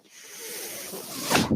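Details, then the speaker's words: Steady airy hiss building over about a second and ending in a louder puff: a breath from the speaker's own home mechanical ventilator, recorded during his podcast. "my name is that noise here is my ventilator"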